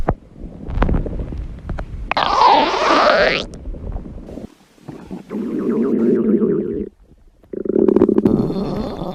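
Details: Long gurgling, bubbling rumbles with squeaky rising and falling tones in several bursts, from a person who says she is hungry; stomach and bowel growling (borborygmi).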